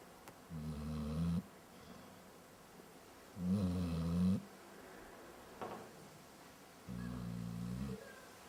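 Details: Dog snoring while still awake with eyes open: three low, rattling snores about one second long each, roughly 20 a minute and irregularly spaced, in a quiet room.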